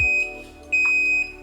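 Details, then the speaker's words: Piped medical gas (oxygen) system alarm in a hospital operating theatre beside the anaesthetic machine: repeated high-pitched electronic beeps sounding when gas levels are low; medical gas low-pressure alarm. "when the levels are low, it will alarm like that."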